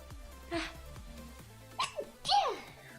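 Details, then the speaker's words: Streamer sneezing during a live stream: a short inward catch followed by a sharp burst of a sneeze, with music in the background. "Oh man, I sneezed and turned into a pretzel. What happened?"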